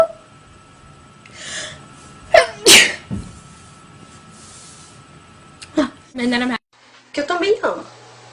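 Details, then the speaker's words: Woman who says she sneezes multiple times in a row: several sharp, explosive sneezes with quick inhaled gasps in a quiet room. "I'm gonna sneeze it alright as you can tell I sneeze like multiple times"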